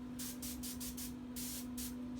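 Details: Short bursts of hissing spray, about six in two seconds, over a steady low hum: the air/water syringe of a veterinary dental unit being triggered, with no water in the tank.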